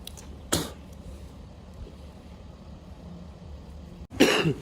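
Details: Two harsh cough or throat-clearing bursts from a man walking home from a bar, described as snot, coughing and phlegm, separated by a few seconds of quiet outdoor traffic noise.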